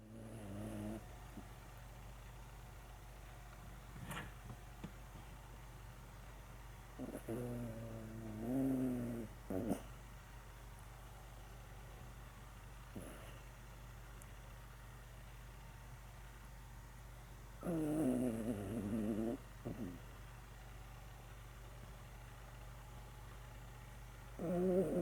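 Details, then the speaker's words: Sleeping dog snoring, said to snore because she sleeps with her nose pressed against something: soft, buzzing snorts about every eight to nine seconds over a quiet background hum. "ちかちゃん、お花を押し当てて寝るのでいびきをかくのです。"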